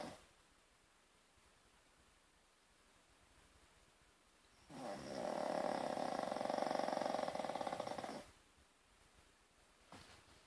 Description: Funny shih-tzu snoring